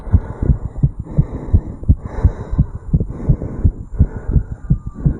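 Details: 35-year-old male's own heartbeat recorded over the tricuspid valve area just after jogging uphill: fast, regular heartbeat of about 170 beats a minute; rapid heart rate after exertion.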